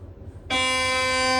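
After a brief quiet moment, a loud, steady buzzing tone starts. This is the gradient noise an MRI scanner makes while running an imaging sequence.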